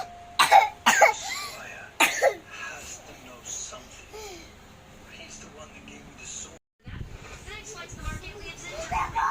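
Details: Several short dry coughs in quick bursts from a child coughing on request, then quieter talk and room noise; an allergic cough.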